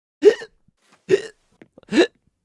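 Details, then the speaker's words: Three sharp, brief voiced hiccups about 0.85 seconds apart, with quiet breathing between, from a man streaming who is troubled by repeated hiccups. "so sorry hiccups wow that's the first hiccup of the day"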